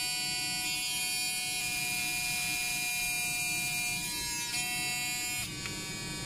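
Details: High, steady buzzing whine from a high-frequency vibration electric dental calculus remover with 5 adjustable modes, pitch changing briefly as the mode shifts; electric dental scaler operating.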